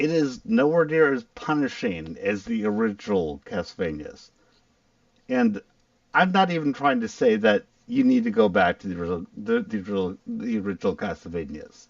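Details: Male speaker who says his full-on stutter can be heard here; word repetitions are audible: stuttering.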